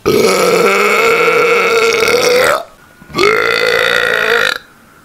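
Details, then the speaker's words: Two long, loud, voiced rumbling belches of about 2.5 and 1.5 seconds; burping. "Mine and burps combined. Burp. That was not a hiccup."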